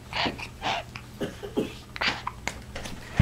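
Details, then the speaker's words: 6-month-old boy sick for a month, diagnosed with pneumonia or bronchiolitis, who also coughs and gags: fast, noisy breaths with rattly, whistling edges, wheezing, his usual daily breathing sound. "I hear you breathing awful are you wheezing amazing he sounds like wheezy and the Toy Story"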